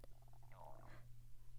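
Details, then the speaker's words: Adult's stomach rumbling with hunger during a talk: a low gurgling borborygmi rumble from the abdomen over a steady low hum. "apparently hungry if you can hear my stomach rumbling but I would I would say something that would totally diffuse a compliment"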